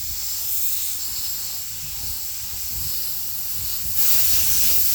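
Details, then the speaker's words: Gentle steady hiss of compressed air from a dental air syringe swept across prepped teeth to air-thin bonding agent (Rodin Bond, with HVE suction), briefly louder near the end; checking the surface stays glossy before curing. "And then in terms of this, I like to start out, if you can hear that, right? Just gentle air, and then I'll just sweep it."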